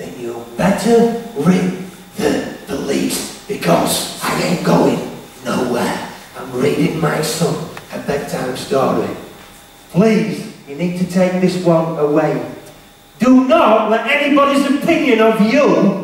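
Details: Stuttering in an adult male motivational speaker who says he has a stammer/stutter.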